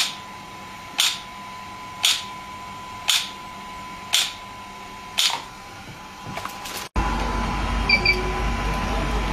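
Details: Shockwave therapy (SW5S) session, device applied with gel to the legs/feet region: sharp, regular clicking pulses about one per second over a steady hum, then a louder change in room noise.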